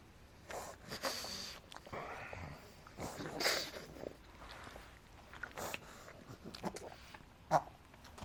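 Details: Soft, irregular, effortful snorting breaths through the nose from Adina, a 5-month-old female pug puppy, recorded just after she ran wildly and then reverse sneezed, still seeming to struggle to breathe; labored snorting breathing.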